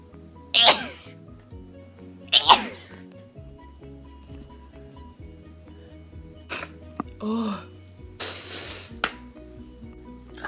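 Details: A run of repeated sneezing: two sharp, explosive sneezes close together, then smaller breathy sounds over background music, part of a sneeze attack that happens a couple of times a week.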